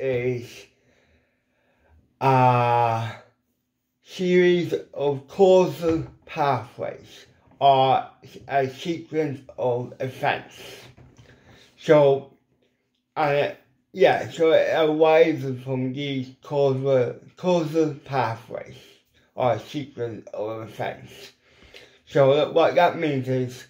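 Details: Adult man with ataxic cerebral palsy; weak lip muscles cannot form the shapes for certain letters; lifelong speech impediment; dysarthria.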